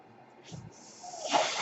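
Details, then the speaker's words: Noise of a person's own mechanical ventilator, heard while he speaks on his podcast; the breath cycle of a mechanical ventilator. "My name is. And that noise you're hearing is my ventilator."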